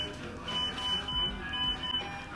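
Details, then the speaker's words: Repeated high-pitched electronic beeps from hospital monitors at an oral surgery office before dental implant surgery, patient awaiting IV, over soft background music and room noise. "like 0.2 seconds they all just left me no iv yet a lot of beeping though um"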